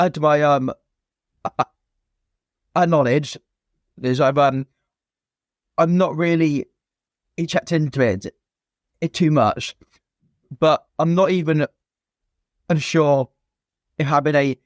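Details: Stuttering (stammer) present since a young age in an adult man, a former soldier, in spontaneous conversational speech.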